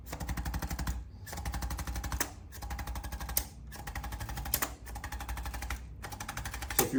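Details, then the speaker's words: Chiropractic adjusting instrument (Arthrostim gun) on a new adult male patient with chronic thoracic stiffness, neck and back pain, flexing forward; rapid mechanical tapping in about six short bursts with brief pauses. "what we're going to do here with the Arthur stem gun is going to help even more"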